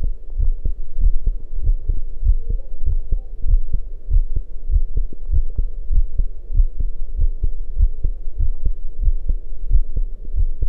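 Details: Heartbeat recorded after running: fast, steady thumping over a low hum, a quickened heartbeat after exercise.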